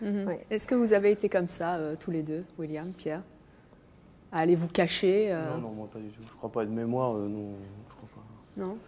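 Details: Adult woman speaking French, with a second adult answering; normal speech.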